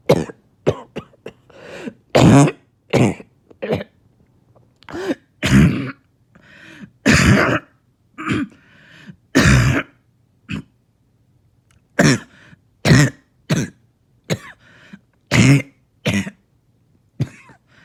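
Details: Adult barking cough after about two days without sleep: about twenty harsh, short, barking bursts over eighteen seconds in a quiet room.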